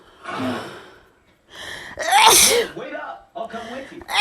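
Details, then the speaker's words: Sneezing provoked by smelling a soap the person is allergic to: a quick breath in, then a sharp, loud sneeze burst with a voiced tail, followed by a second smaller sneeze-like sound. "okay so you guys i have this soap that i'm allergic to so i'm gonna kind of smell it and it'll do the trick okay"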